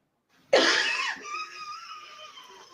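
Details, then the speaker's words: Wheezing in a mild to moderate anaphylactic allergic reaction, with an EpiPen present: a harsh cough-like burst, then a drawn-out whistling, musical breath as the airways narrow, with shakiness. "so basically he's showing this is what it would look like and sound like if someone was going through you know an anaphylactic shock you can hear the wheezing the shakiness all that"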